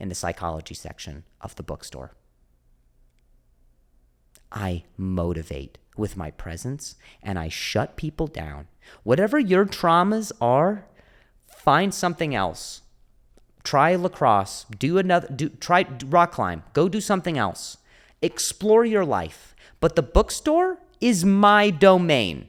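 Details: Stuttering in an adult male comedian with a stutter, described as a speech impediment; audible repetitions are present.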